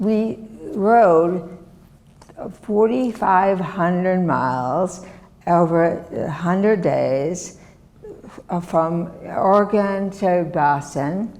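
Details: Woman, former professor, with chronic aphasia since a severe stroke in 2010 that disabled her right side and took her speech; she relearned making sounds and saying her name and still cannot speak as before; non-fluent aphasia.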